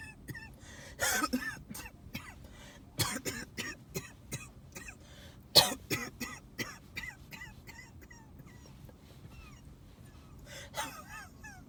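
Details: Repeated coughing fits recorded during a car ride to the hospital ER: runs of rapid, harsh coughs with brief gasping breaths between bursts, over faint road noise.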